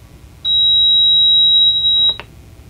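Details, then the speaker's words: Single steady high-pitched beep under two seconds as a ventilator powers off after testing with a VT900A analyzer; normal shutdown tone. "So I'm gonna go ahead and exit out of this, and we'll take our values back to zero. And power off."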